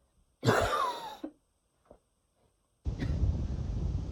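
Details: A single harsh cough with a whistling, wheezy edge followed by a rough throat sound, from a person at bedtime during a nightly coughing fit.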